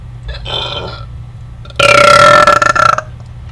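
A short croak followed by a loud, prolonged, rumbling burp with a fluttering end, over steady background hum.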